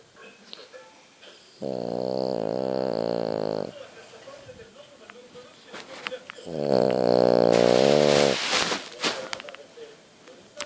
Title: French bouledogue snore bulldog francese che russa